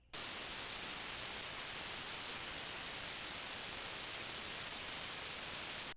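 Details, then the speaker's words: Hearing aid fitted with an open dome, unmuted during the software feedback test; steady hissing white noise plays for about six seconds, then cuts off abruptly, showing heavy leakage and screeching feedback: hearing aid feedback test noise. "And you can hear it. It is just screeching and whistling and carrying on. And that's not good."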